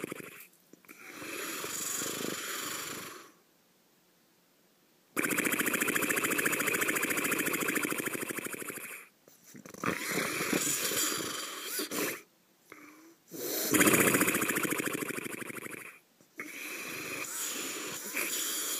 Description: Just me snoring